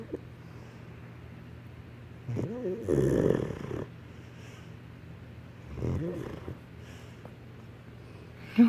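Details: Snoring during sleep: two soft, low, rattling snores several seconds apart over a steady low room hum.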